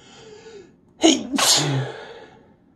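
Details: Person mostly recovered after a week-long cold: soft intake of breath, then a sharp, forceful single sneeze with brief voiced trailing sound; sneeze.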